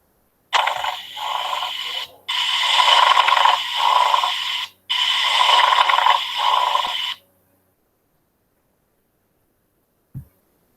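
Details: Pleural friction rub from inflamed, thickened parietal and visceral pleura, as in pleurisy: three long bursts of harsh, grating scraping with breathing.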